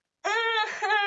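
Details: Adult woman with Tourette-like tics and coprolalia; involuntary moaning tic, worse at night when tired and frustrated; vocal tic (moaning).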